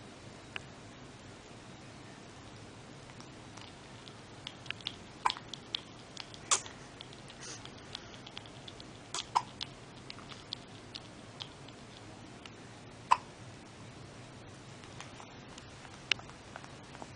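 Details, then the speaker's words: Newborn boy, 2.5 hours old, 6 lb 15 oz and 21 inches, hiccuping just after breastfeeding while cold. "He's like, I'm cold and I got the hiccups. But I'm full because I got mommy's boobies."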